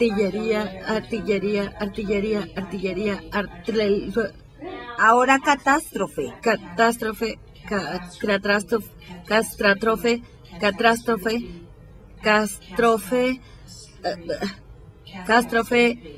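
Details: Right-handed 55-year-old woman with nonfluent primary progressive aphasia, symptom onset almost three years before recording, repeating multisyllabic words five times with sound distortions and sequencing errors; apraxia of speech.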